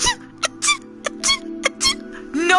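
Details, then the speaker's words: A woman imitates her mother's sneezing, a rapid run of seven or eight short, high, squeaky sneezes over steady game music; she says her mother sneezes about 50 times in a row. "cuz it happens like 50 times in a [ __ ] row it doesn't just happen once it doesn't happen once and my brother and I have gotten a case about it like you can't just have a normal [ __ ] sneeze it literally sounds like this"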